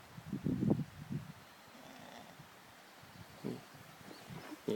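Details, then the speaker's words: A dirty white horse lying down outdoors gives recurring low, rumbling, grunt-like snores over a quiet background before waking: horse snoring. "okay i'm not sure if you're gonna be able to hear this or not but her horse is over there snoring"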